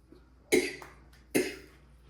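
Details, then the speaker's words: Adult woman taking lisinopril for blood pressure, dosage reportedly increased, says she is not sick: two short, sharp dry cough bursts, no rattle or wheeze, quiet room; ACE inhibitor dry cough. "Excuse me, guys. I'm not sick. It's I take a blood pressure medicine called Lisinopril, and it's one of the side effects is a cough, like a dry cough."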